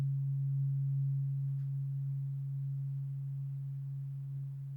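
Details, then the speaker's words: Role-played ASMR cranial nerve exam hearing test, eyes closed, binaural: tuning fork tone as a second tuning fork is introduced and the listener is asked whether one or two forks are heard. "I'm going to introduce a second tuning fork. I want you to tell me if you can hear one tuning fork or two."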